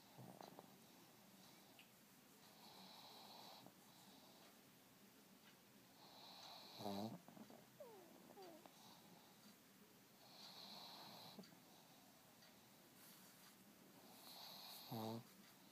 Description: Monster the pug snoring.